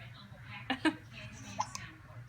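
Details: 3-month-old baby boy with hiccups after being tickled and laughing, filmed on an iPhone 6 Plus: short, sharp gulping catches, about four within two seconds, over low room hum; harmless normal infant hiccups.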